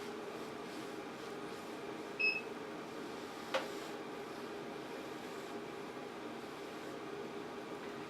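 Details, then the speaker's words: A single short electronic beep over room hum as a toroidal radiofrequency skin-tightening device reaches therapeutic temperature during a body treatment for skin laxity; indicator light turns from green to yellow. "lorsque la température thérapeutique est atteinte le voyant lumineux passe du vert au jaune et un bip sonore se fait entendre"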